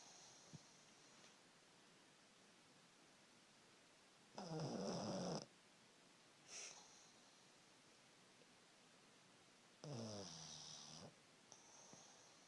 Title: Snoring pug